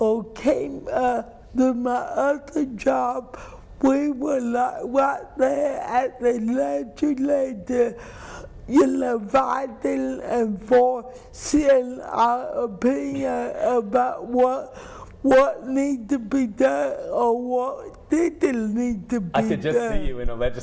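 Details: Adult woman with cerebral palsy who says people do not always understand her; dysarthria (cerebral palsy).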